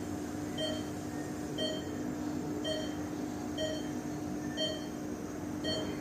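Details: Sound-effect recording of an ICU bedside patient monitor: regular electronic beeps about once a second, near 60 a minute, over steady hum and room noise.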